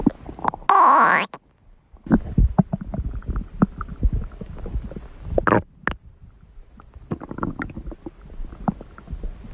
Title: My stomach growling fun #52